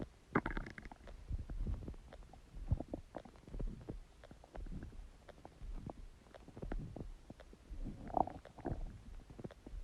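Soft low gurgles and rumbles come and go throughout; ordinary stomach growling from gas and fluid moving through the gut.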